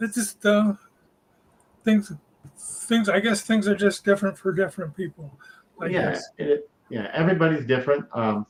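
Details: Stroke survivor about four years post-stroke, with intermittent aphasia involving forgotten words and short-term memory loss; real speech; finding: aphasia with word-finding difficulty.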